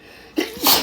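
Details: A quiet inhale, then a sharp, forceful burst of sneezing from a man, sneezes deliberately induced by a strong smell: aggressive strong sneeze.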